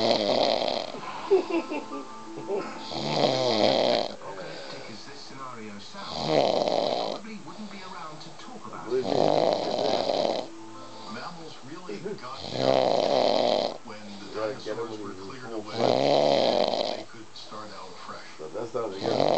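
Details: Loud, regular snoring from an adult man sleeping beside a television that plays speech and music: snoring.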